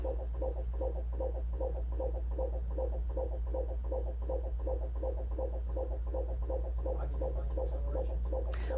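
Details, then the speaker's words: Fetal heart rate acceleration on Doppler monitoring of a laboring woman with contractions about every two minutes: fast, regular whooshes near 158 a minute over steady hum, above a baseline of about 140, then back to baseline. "So that was an example of an acceleration. You can see we're back down to baseline. And we had an acceleration that showed us that the baby could get more oxygen"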